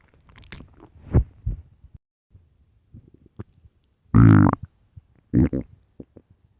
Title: early morning stomach growls (headphones)